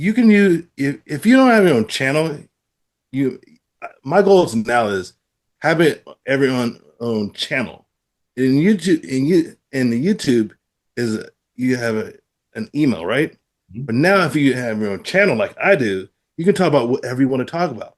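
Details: Adult man with aphasia after a stroke who reports trouble producing the first sounds of words; word repetitions and ungrammatical phrasing heard; aphasia after stroke.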